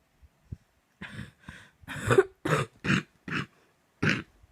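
A run of about eight harsh coughs in quick succession, a coughing fit.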